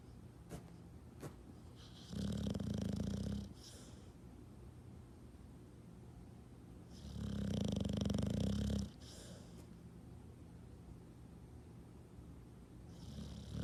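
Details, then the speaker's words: Cute dog snoring loudly while sleeping: two loud, rumbling snores about five seconds apart, each followed by a softer hiss on breathing out. "Sarah, wake up. You're fucking snoring like a motherfucker."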